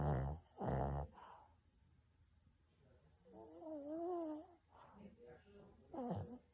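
Irregular rough, rumbling breath noises with a brief whine in between: a sleeping dog snoring.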